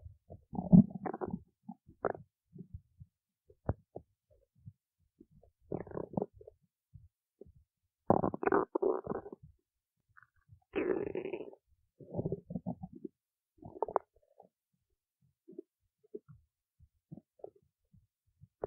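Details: Bursts of gurgling, rumbling stomach noise with quiet gaps between; ordinary stomach growling, borborygmi.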